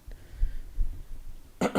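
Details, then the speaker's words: Adult with a dry throat during a live stream: low rumbling background, then two short harsh bursts at the end, a brief dry cough. "as always guys i have a dry throat but now that i when i upload the podcast like for those of you listening to this as a podcast you might not hear the coughs um because i'm gonna cut that out for sure"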